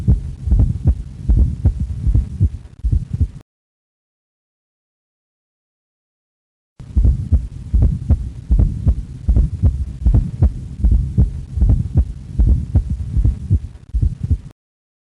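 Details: Fourth heart sound (S4 gallop): a regular, low heartbeat near 77 a minute with an extra soft thud just before each first heart sound.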